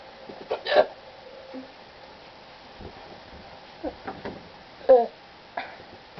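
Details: Person with sudden-onset hiccups while cleaning room: a few short, abrupt voiced catches in a quiet room, separated by pauses of a second or more; hiccups.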